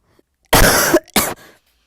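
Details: Cough: repeated coughing over about 35 seconds.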